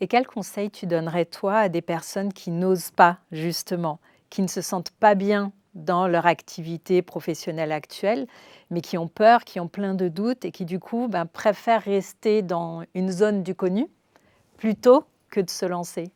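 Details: Adult woman; normal speech.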